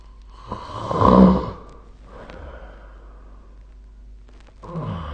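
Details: Snoring during sleep, recorded 2025/03/31: a loud rattling snore swelling and fading, followed by quieter breathing and the start of another snore.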